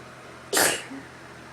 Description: Woke up sneezy :)